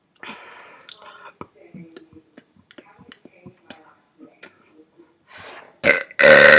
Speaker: This is going to be my first burp video in 4 months, at least.